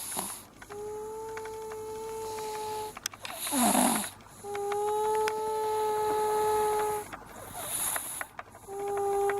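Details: Snoring: repeated long, whistling tonal breath sounds with brief noisy pauses between them over about three breath cycles.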